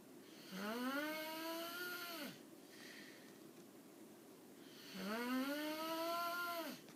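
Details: Two long, rising, whistling-toned snores on inhalation, about 13 breaths a minute: snoring.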